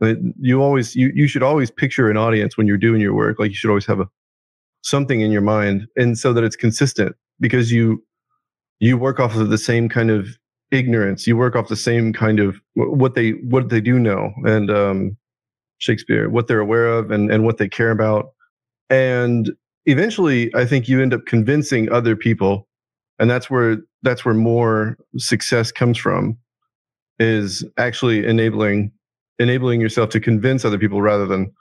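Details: Adult man with Tourette syndrome, whose involuntary vocal tic is a word repeatedly blurted out mid-conversation; Tourette syndrome vocal tic.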